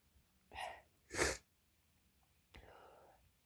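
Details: Two loud, forceful sneezes close together with lots of spray, then a short breathy exhale, from an adult talking casually on camera while wrapped in a blanket for feeling cold; ordinary sneezing.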